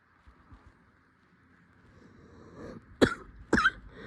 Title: Coughing tonight